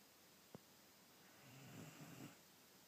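A single low, rattling snore on a breath, preceded by a faint click, in a quiet room.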